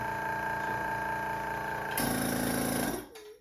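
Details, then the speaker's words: Steady motor hum of a portable aspirator being tested, pitch shifting as the pressure knob raises and lowers suction with the tube covered, then winding down; a normally working suction machine. "We could turn this machine on, and with our pressure knob here, we can increase and decrease suction."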